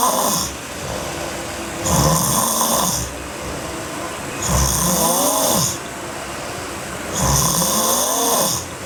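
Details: Sleeping girl snoring hard: loud, rough snores with each breath in, about 22 a minute, over steady room hum.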